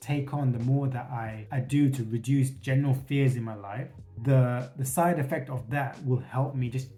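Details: Stuttering with repetitions in an adult man who states he has a stutter and has worked to reduce it by facing his fears.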